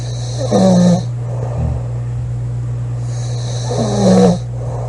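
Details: Woman snoring during sleep: two loud rattling snores on breathing in, about three seconds apart, over a steady low room hum.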